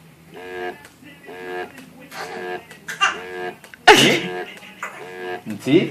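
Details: Deliberately faked sneezing by a child: a run of voiced, sneeze-like bursts ending in one sharp sneeze sound; imitated, not real sneezes.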